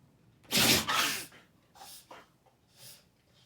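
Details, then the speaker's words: Rottweiler dog sneezing: two loud, harsh sneezes in quick succession, then a few softer snorting breaths through the nose; the owner asks whether the dog is okay. "I don't think my dog's okay you um you good there definitely didn't get it I don't know what that was bro is like sneezing I felt the floor shake"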